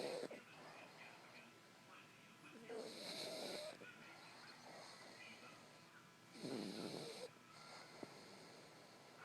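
Two loud, rough, whistling snores about three seconds apart, with softer breathing sounds between.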